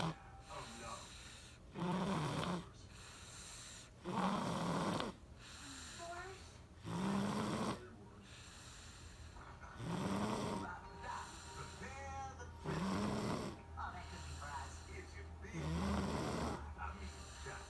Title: SHE SNORES LIKE DADDY (TATAY )